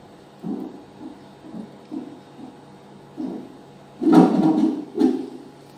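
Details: Rapid, soft, whooshing fetal heartbeat pulses on a Doppler placed on the right side below the navel of a pregnant woman during a CTG examination, with louder rustling toward the end; normal fetal heart sounds.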